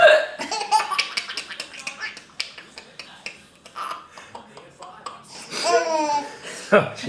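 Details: A mother's short, abrupt hiccups broken by her helpless laughter, with her baby son's giggles and babble alongside; adult hiccups.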